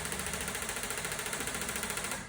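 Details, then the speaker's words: Shockwave therapy machine (Storz Medical MP50) probe firing sound-wave pressure pulses, used for chronic musculoskeletal problems: rapid, even, loud mechanical tapping at about fifteen pulses a second. "it fires sound bullets is the best way of thinking about it it's a sound wave that it sends through and has various different effects which i'll talk about in a minute it is a little bit noisy i'll do it so you can hear"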